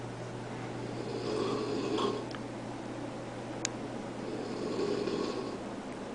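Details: Two long, rough snoring breaths with a steady background hum; an adult man's loud habitual snoring in an upstairs bedroom, audible from the kitchen downstairs.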